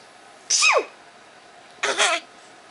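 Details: A young child sneezing: two short, sharp, high-pitched sneezes about a second apart.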